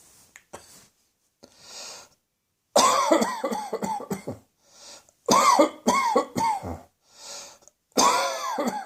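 Three bouts of rapid, strongly voiced coughs, several coughs per bout, each bout preceded by an audible breath in; a repeated cough.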